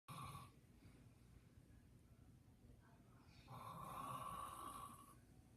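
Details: Uncle's unusual snore: two long, buzzing, whistling, high-pitched snores with a quiet breath between them; snoring.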